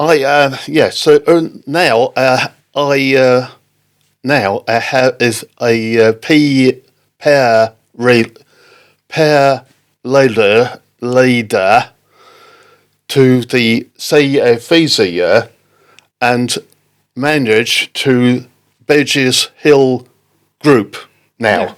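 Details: Aphasia after a stroke in October 2019 in an adult man, affecting speaking, reading and writing; word-finding pauses, fillers and garbled words.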